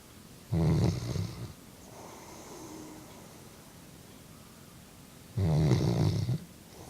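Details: Snoring from a sleeping chocolate Labrador: two loud, low, rattling snores about five seconds apart with quiet breathing between, about 12 breaths a minute.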